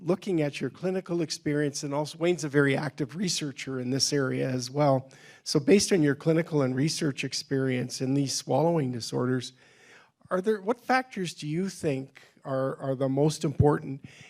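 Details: Adult male speaker; normal speech.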